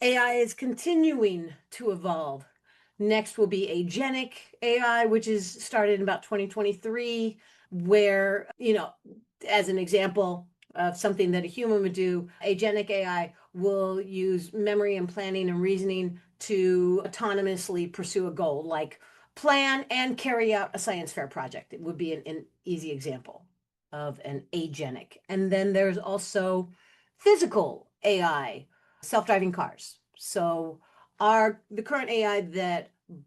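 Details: Adult woman speaking; normal speech.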